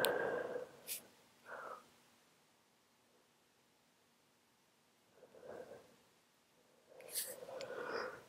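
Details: Several muffled, held-back sneezes with sharp bursts and breaths between them in a quiet room, in a sick adult with flu and a cold caught from a coworker sneezing on them; stifled sneeze.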